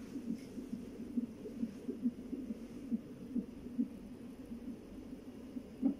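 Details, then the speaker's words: Fetal heartbeat on a Doppler monitor, rapid rhythmic whooshing pulses at about 140 a minute over monitor hiss, recorded during fetal heart rate monitoring; normal. "Kuha ko daw ang heart rate ani for 20 minutes."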